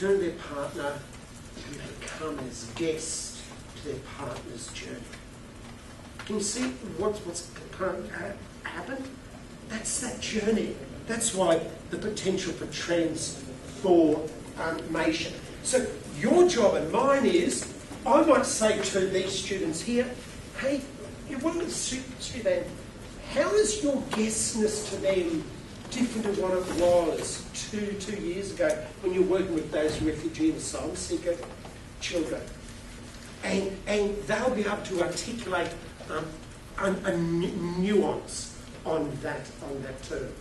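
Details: Stuttering in an adult male keynote speaker who states he has a stutter.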